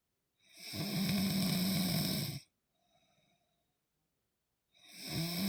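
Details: Adult woman snoring: a loud, rough, rattling inhalation of about two seconds, a quiet pause, then the next noisy breath; snoring.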